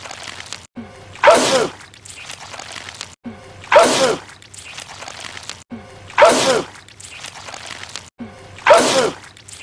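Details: Movie clip from The Cat in the Hat, not a real recording: the character Larry Quinn sneezes purple goo repeatedly, four identical sneezes, each a quick indrawn breath then a sharp burst, about two to three seconds apart.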